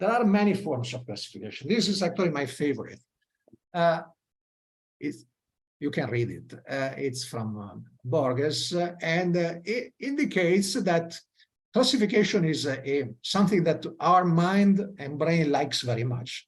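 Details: Adult male lecturer; Ordinary speech.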